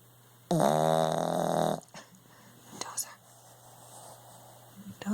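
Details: Sleeping puppy, described as a heavy sleeper, snoring: one loud, long, buzzing snore, then quiet breathing with small noises.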